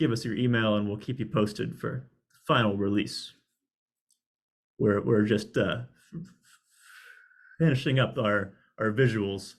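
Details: Adult male speaker; speech with disfluencies.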